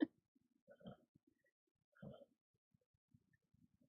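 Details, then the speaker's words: Snoring from a female dog, heard faintly in the background on a hot day after she got a lot of exercise and was out and about. "yeah I don't know if you can hear my dog's snoring but it's hot she got a lot of exercise today she was out and about"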